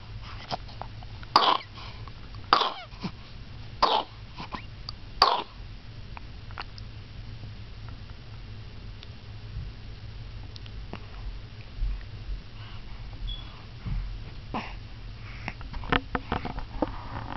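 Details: A child, who had a cough, gives four short, sharp coughs about a second apart, then quieter throat sounds.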